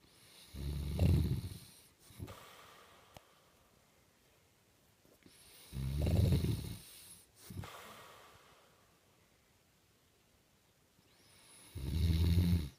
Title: Dad snores